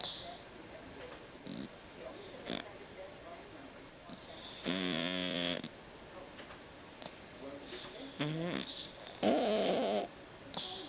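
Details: A cat with noisy breathing from a condition it had as a newborn, now fine, snores very loudly: repeated loud, rattling snores with each breath over about ten seconds.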